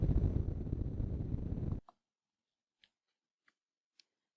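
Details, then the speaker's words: Needle EMG interference pattern during maximal contraction, recorded on Keypoint.Net, scope sensitivity 0.5 mV per division: dense, rough crackling static from the EMG speaker that stops abruptly, then a few faint clicks. "the emg sound can be heard during the entire test adjust the volume with the volume button located on the control"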